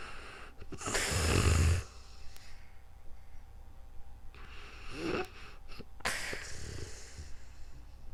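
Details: Real-time recording of a person snoring while sleeping calmly, captured on a new microphone: two loud rough snoring breaths separated by quieter breathing, ordinary sleep snoring.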